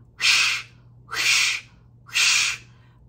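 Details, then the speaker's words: Vocal imitation of a harsh pediatric heart murmur: three breathy, harsh whooshing sounds, contrasted with the musical, vibratory normal Still's murmur; loud or harsh murmurs can be abnormal, suggesting a hole in the heart or obstruction. "then that can be abnormal and when parents think about heart murmur they think about is their hole in the heart or if there's any obstruction so with a loud murmur or harsh one that is something we consider is what's going on in the heart"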